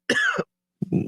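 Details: Two harsh, rough cough bursts from an adult in a NyQuil radio ad, acted to portray a night of coughing kept awake by a nasty cold; simulated cough.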